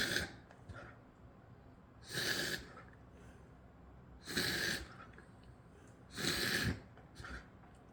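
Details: A dog coughing: three harsh, forceful expiratory bursts about two seconds apart, with quieter snorting breaths between them.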